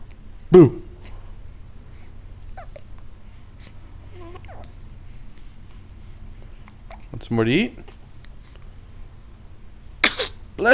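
A dog gives short, sharp sneezes in a quiet room, with a brief voiced sound between them.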